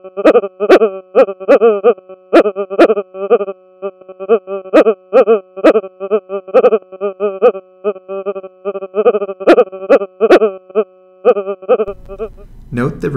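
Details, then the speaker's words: Sonified EEG (brain stethoscope) during seizure or seizure-like activity: loud, repeating rhythmic pulses of tonal sound, unlike the flat white noise of a non-seizing brain. "the sound of the brain during seizures or seizure-like activity contain repetitive rhythmic fluctuations"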